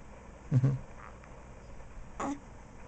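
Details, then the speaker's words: Baby with hiccups, one of the first times outside the womb: two short, abrupt throaty gulps about 1.7 seconds apart over faint room noise. "You know, Daddy, why do you record me hiccuping?"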